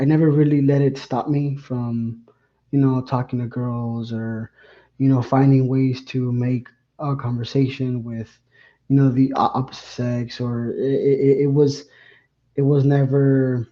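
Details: Adult man, a lifelong stutterer whose stuttering has only recently begun to affect his life; stuttering.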